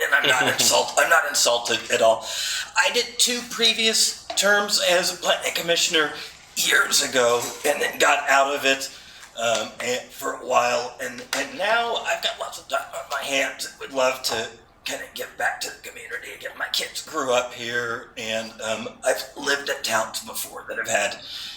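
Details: Adult man with spasmodic dysphonia, which he calls basically localized epilepsy; he links his voice problem to his ski-industry years and a cliff fall at the U.S. Extreme Ski Championships that left his throat 'gunked up'; spasmodic dysphonia.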